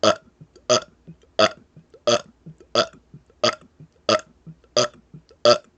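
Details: Deliberate repeated belching in a one-minute burp challenge (83 burps counted): nine loud burps in a steady rhythm, about 90 per minute, with quieter sounds between.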